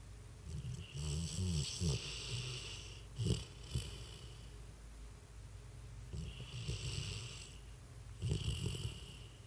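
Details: Sleeping dog, twitching in its sleep, snoring: rough, rattling snores at irregular intervals with brief snorts between breaths.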